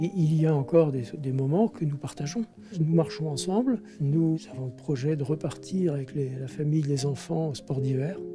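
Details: Adult man speaking French; normal speech.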